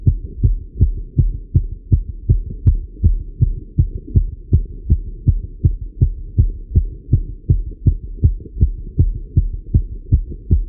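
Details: Male heartbeat recorded while riding a bike: strong, regular low thumps at about 160 a minute with a steady background hum; a fast but normal heartbeat from exercise.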